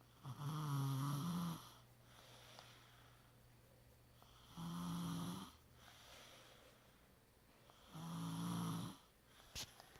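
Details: Snoring during sleep: loud, rattling snores on each in-breath, about 16 breaths a minute, with quiet out-breaths between.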